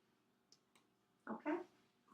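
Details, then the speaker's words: Soft taps then two fuller hollow thumps from finger percussion of the chest during a lung assessment after tactile fremitus; normal resonant lung note, with dullness expected over heart and liver anteriorly; resonant percussion note. "you hear the vibrations with tactile feminines and you hear resonance with percussion you can heal dullness of the heart and the liver no in the front"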